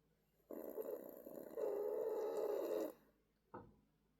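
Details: Male 14-year-old senior Toy Poodle napping, snoring oddly: a long, rough, rattling breath noise followed by a brief shorter one; snoring.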